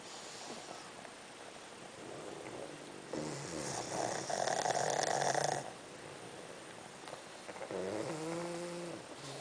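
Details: Five Pug dogs piled together sleeping late at night: rough, rattling breathing rising to loud, buzzing snores from several dogs, then a brief whine, in a quiet room.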